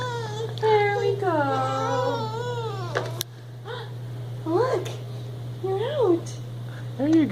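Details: Infant crying after no longer being able to climb out, hiccups mentioned: whimpering cry with rising and falling wails, then short sobbing bursts, over a steady low room hum.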